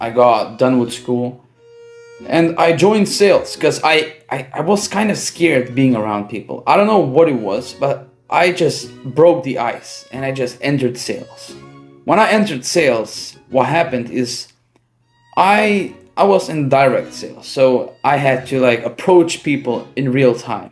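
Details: Adult male who stuttered badly from childhood until 18, since improved but persisting, with part-word and word repetitions: stuttering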